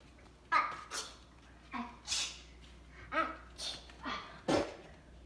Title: Sneeze ATTACK!